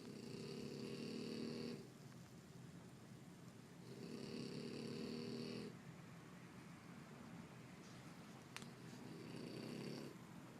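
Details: Loud, rough snoring during sleep, loud enough to keep another sleeper awake; snores recur about every four seconds with quiet gaps between them.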